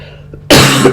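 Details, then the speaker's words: A single abrupt cough from an adult woman with a lingering cough and strange voice, about 20 days after onset of mild COVID-19 symptoms, twice vaccinated, not yet fully recovered. "you will probably hear my voice a little bit strange and you might hear me coughing during this recording a lot"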